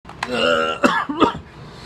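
A voiced throat sound followed by two short, sharp cough bursts, deliberately faked by a teenager.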